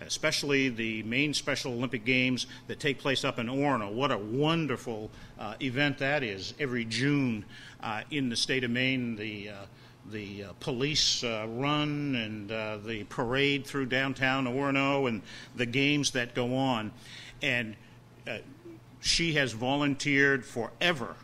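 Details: Adult male speaker; normal speech.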